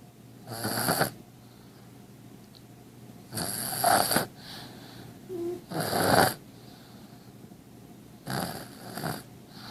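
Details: Sleeping baby girl; four loud, rough, fluttering breath noises recurring several seconds apart in a quiet room: snoring in an infant.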